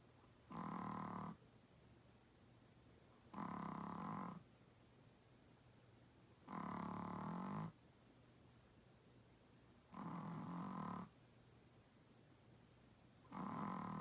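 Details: Small 8 lb Chihuahua-Pug mix dog snoring loudly and regularly, about five snores in fourteen seconds, roughly 21 a minute.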